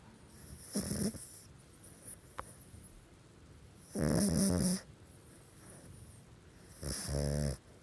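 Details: Pug snoring loudly while asleep with eyes partly open: snorting, wheezy rattles on each breath, uneven and separated by quieter stretches.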